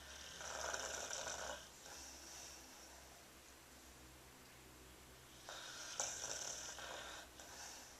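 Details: Snoring during sleep: soft, hissing, whistly snores, two breaths about four seconds apart, over a low background hum.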